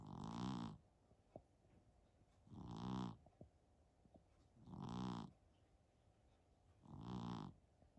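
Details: Persian cat snoring during a nap: four rhythmic rattling snores, about 28 per minute, sounding much like a person snoring.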